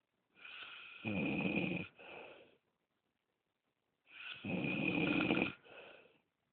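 Two loud rattling snores, each a rough inhaled rumble followed by a softer breath out, with quiet pauses between; ordinary snoring.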